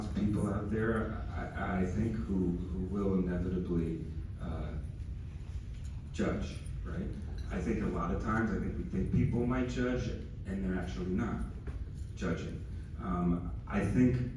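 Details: Teen who stutters, asking a question at a stuttering convention Q&A; stuttering noted while asking. Finding: stuttering.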